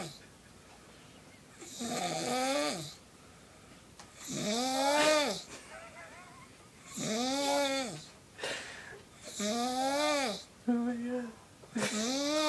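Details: Loud, regular snores about 24 a minute, each a drawn-out vibrating tone rising and falling with the breath: snoring.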